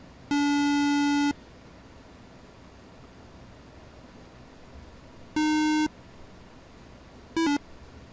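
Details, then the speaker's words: Three electronic tones, two long and one brief, mark the end of a catheter activation in bronchial thermoplasty for severe asthma in adults, shown on a live model. "we activate once it's done you'll hear a little beeping noise yeah but then you pull it back and you keep doing that"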